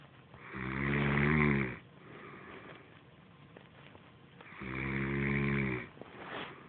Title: Mom DOES snore afterall...